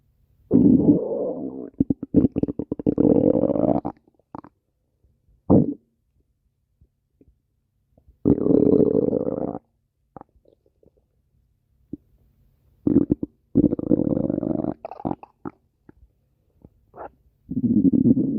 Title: stomach growling 23